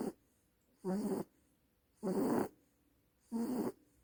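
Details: Sleeping dog snoring very loudly: rhythmic rattling snores about every 1.2 seconds with quiet gaps between; tagged as a rescue puppy.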